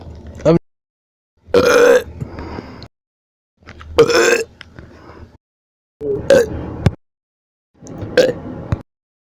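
Five loud, long, voiced belches in a row, separated by short pauses; repeated burping.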